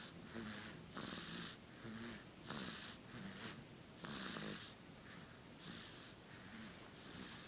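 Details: Sleepy baby snoring: repeated rough, hissing breaths about every 1.5 seconds, roughly 40 a minute, with a rattling edge.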